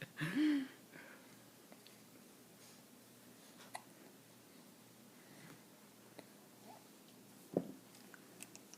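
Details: Infant boy with hiccups that shake his whole body: two short, abrupt hiccup sounds several seconds apart in a quiet room.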